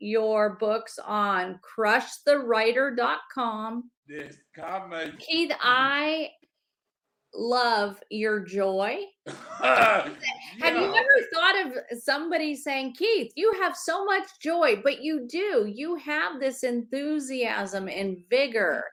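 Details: Adult woman speaking; ordinary speech.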